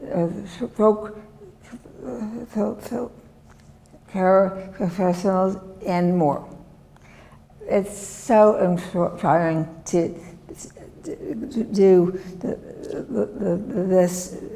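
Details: Woman, former professor, with chronic aphasia since a severe stroke in 2010 that disabled her right side and took her speech; she relearned making sounds and saying her name and still cannot speak as before; non-fluent aphasia after stroke.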